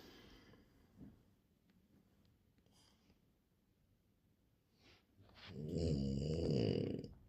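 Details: French bulldog snoring: several seconds of quiet breathing, then a loud, rattling snore on the in-breath.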